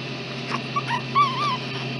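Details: 8-day-old newborn girl, in preemie clothes, during a diaper change while still hungry: thin, high, brief whimpering cries and fussing over a steady low hum.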